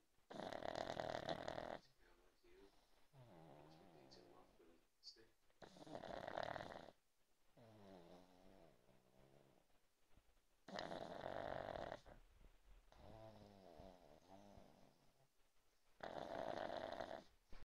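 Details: Sleeping pug snoring: loud, rattling breaths with softer whistling, wheezy sounds between them.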